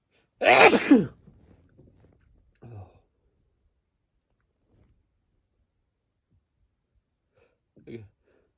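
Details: Sneeze through an N95 face mask, set off by the mask's nose pinch making the nose itch: one loud, explosive sneeze muffled by the mask, then a soft breath and a brief faint sound.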